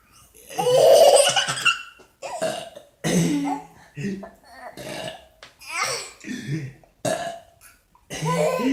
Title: THIS WILL MAKE YOU LAUGH.. Burping Contest. TODDLER & Papaw